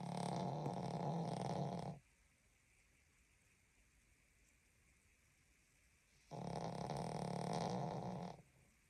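Two long, loud, deep rattling snores about two seconds each, separated by a quiet pause of about four seconds; heavy snoring in a sleeping dog.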